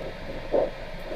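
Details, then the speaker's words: Diabetic patient with plantar first-toe ulcer, arm systolic 110: Doppler pulse signal on the leg persists with the cuff inflated to 210 mmHg, indicating a non-compressible artery. "210 and we're still getting a horrible signal what does that suggest to us that this patient is non compressible"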